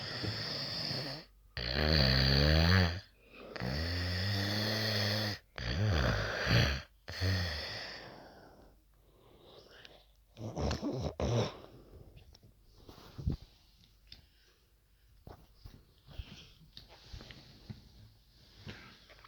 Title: loud damn snoring after tramadol